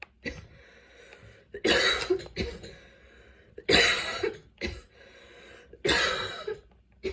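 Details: Person with persistent coughing fits despite medication, while unpacking after a vacation: three harsh coughing bouts with breaths between them in a quiet room; persistent cough in fits.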